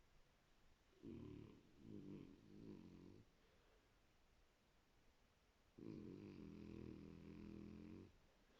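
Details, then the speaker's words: Low, rattling snores from sleeping dogs, loud enough to drown out the TV; snoring. "vous voyez je vous mens pas quand elles ronfle et j'entends même pas la télé"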